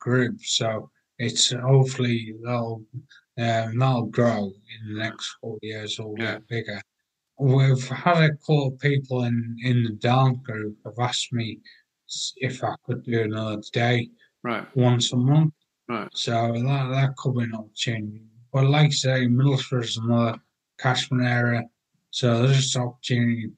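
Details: 43-year-old man with aphasia acquired after a major car accident about six and a half years earlier, with coma and 11 months in hospital; language breakdown and difficulty getting words out; aphasia.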